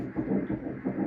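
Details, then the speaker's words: Fetal heartbeat at 7 weeks 6 days of a first pregnancy, heard at the first ultrasound: rapid, whooshing rhythmic pulses. "so we had the ultrasound and these are the pictures that were delivered from the ultrasound and also share the video wow you see the heart yeah"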